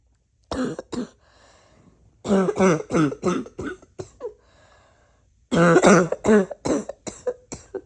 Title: Everything cough-wheezy,congested and barky